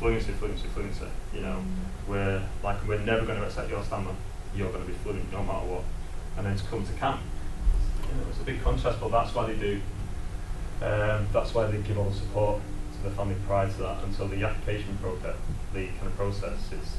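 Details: Adult male presenter who lives with a stammer; stuttering.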